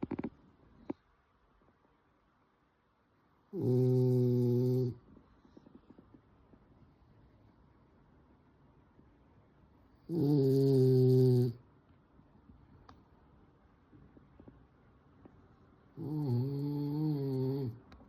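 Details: Sleeping French bulldog snoring: three long, loud, rumbling snores on the in-breath, about one every six seconds, roughly 9 to 10 a minute.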